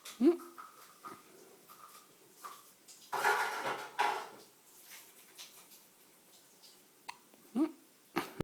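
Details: A baby boy with hiccups; short, sharp, voiced hiccups spaced several seconds apart with quiet pauses between, as he waits for each one. Ordinary infant hiccups.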